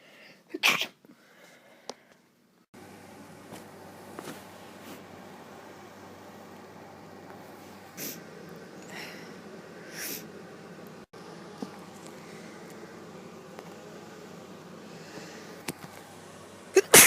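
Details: Girl sneezing: one sharp sneeze, then quiet room noise, with another sneeze starting at the very end.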